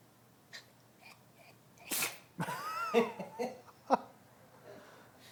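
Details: Dog sneezing: a sharp explosive sneeze followed by a few short snorting nasal bursts.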